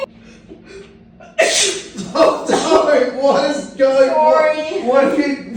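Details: Sneeze prank on a dad using a water bottle: a sudden loud sneeze-like burst, possibly mimicked, then excited voices and laughter.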